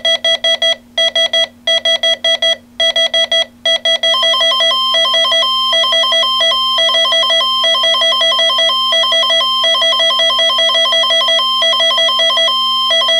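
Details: Rapid repeated electronic alarm beeps from a sound-effect heart monitor signalling ventricular fibrillation, continuing into a steady flat-line alarm tone; simulated, not a real patient.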